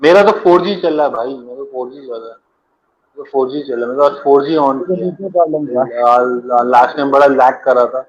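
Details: Adult man who stammers; stuttering.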